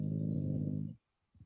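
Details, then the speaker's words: Five-year-old female English Bulldog sleeping on the floor beside the speaker during a podcast, snoring. "that your is that your dog yeah i have an english bulldog who is age 5 so she must be right next to me on the floor and all she does is sleep"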